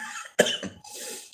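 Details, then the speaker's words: A single harsh, choked cough from an adult man, who says he choked while coughing because of acid reflux. "okay you can hear how i choked when i coughed that was a choke there was a reflux"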